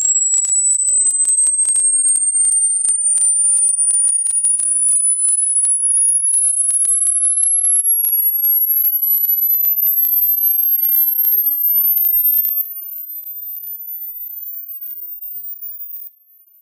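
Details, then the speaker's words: A pure whistling tone climbs steadily to a very high pitch and then fades out of hearing, played as a quick hearing test without headphones; a rising-tone hearing test frequency sweep. "yes guys this video is going to test how good your ears are so are you ready for this hearing test but before staring the hearing test could you please like and subscribe thanks so are you ready for the hearing test no headphones please hearing test in three two one"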